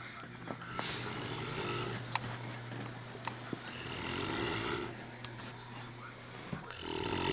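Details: An adult man snoring for an hour while asleep: loud, harsh, rattling snores; snoring.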